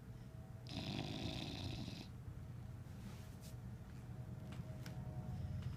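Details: Sleeping dog, worn out after a busy weekend: low rattling snore, one louder snort-like breath among steady rumbling breathing; snoring.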